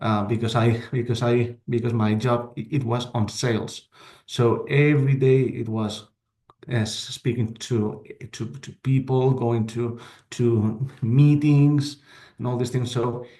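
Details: Adult man who reports blocks, with audible repetitions; stuttering.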